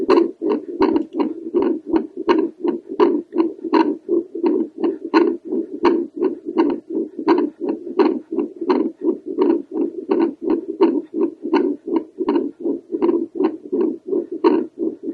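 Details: Woman's Doppler heartbeat over the tricuspid valve: rhythmic whooshing pulses about 85 a minute, each with a sharp valve click.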